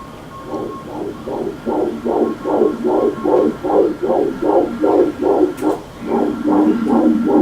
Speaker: before abortion this is what a fetal heartbeat sounds like